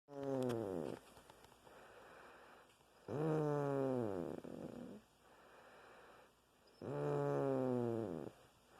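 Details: Pet mouse sleeping: loud, drawn-out, tonal snoring breaths, three in about nine seconds with quieter exhalations between.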